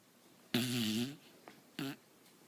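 Two rough, buzzing breath noises, a long one then a short one, in a quiet room: snoring.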